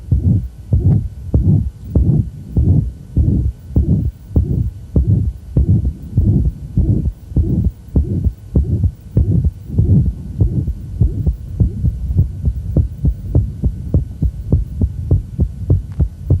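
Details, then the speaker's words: Hypertrophic cardiomyopathy: regular heartbeat near 100/min with a mid-systolic murmur, only a hint of it with the legs raised, then coming on loudly as the patient stands, filling the gap after each first sound. "so in here we've got mid-systolic murmur that's generally latticed stand you leave it in the legs just the hint of the murmur is present there [Music] there it comes on"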